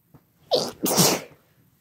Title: Some talking then lots of Sneezing (F+M)